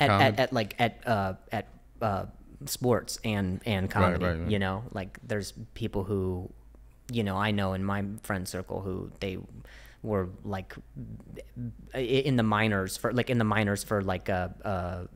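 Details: Stuttering in an adult host who is described as fighting through a stutter; speech shows repetitions.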